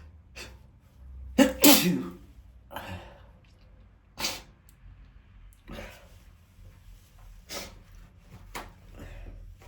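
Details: A male filmed sneezing to show his spray: a run of sudden explosive sneezes with sharp sprays of air, several within about ten seconds, in a quiet small room.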